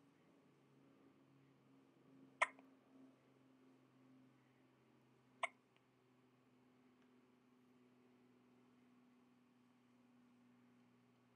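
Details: Linus having an attack of hiccups: two brief sharp hiccups about three seconds apart against quiet room hum.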